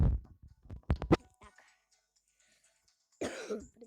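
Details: Female speaker who says she is ill: a short cluster of three or four dry coughs while gaming, then quiet and a brief burst of background game noise.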